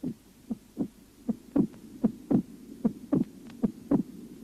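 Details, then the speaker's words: Mitral stenosis, auscultation over the pulmonary artery: regular heart sounds about 75 a minute with accentuated, split second heart sound, from raised pulmonary artery pressure and non-simultaneous semilunar valve closure. "на легочные артерии при митральном стенозе выслушивается акцент и расщепление 2 тона"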